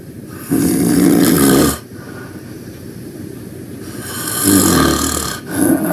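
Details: Loud snoring while taking a nap: two long rattling inhaled snores with quieter breathing between, over background music.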